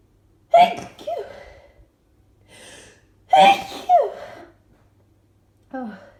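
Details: A quick run of loud sneezes, each with a sharp intake of breath before it, in an adult with allergies and itching; rapid allergic sneezing.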